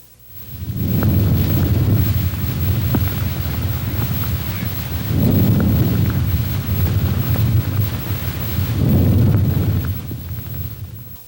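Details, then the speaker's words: Soft, low rustling breath sounds heard through a stethoscope over the chest wall, about three breaths; normal vesicular breath sounds. "vesicular é o nome dado aos ruídos respiratórios e auscultado em toda a parede do tórax porém não é homogêneo sendo mais forte na região ântero-superior nas axilas e regiões infraescapular is"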